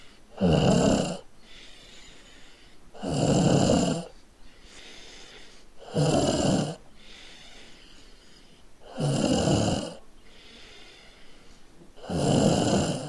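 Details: Adult woman (wife) snoring in sleep, keeping her partner awake: loud, regular, rattling snores on each in-breath, about 20 breaths a minute, with quiet exhalations between.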